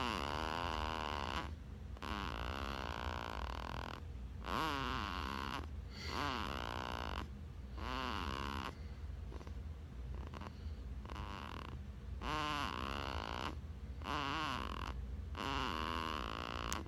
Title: 7.23.16 Baby snores